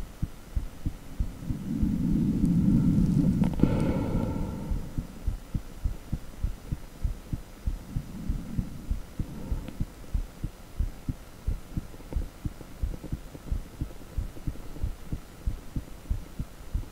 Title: Echo with heartbeat sound